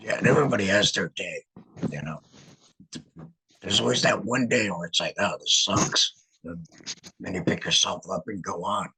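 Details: Adult man, a laryngectomee, who regained speech after a learning curve of some weeks and began talking about a month before starting his podcast; alaryngeal speech after laryngectomy.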